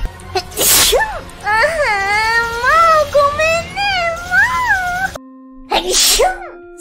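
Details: Adult female streamer sneezing: two sharp, explosive sneezes separated by drawn-out, wavering voiced sounds.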